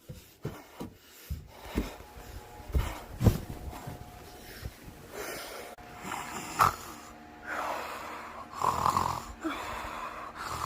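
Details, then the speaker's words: Snoring in bed after running down a hill and up the stairs: irregular, rough, rattling breathing noises in a small room. "And also, we're gonna run up the stairs in the house into my bed, snoring."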